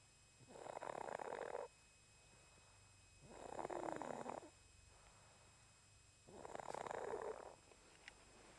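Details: Sleeping cat snoring with three raspy, rattling sounds about three seconds apart, roughly 20 breaths a minute, over quiet room noise.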